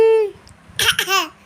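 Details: A young child makes a playful pretend cough, two short breathy bursts after a brief voiced sound; imitated cough.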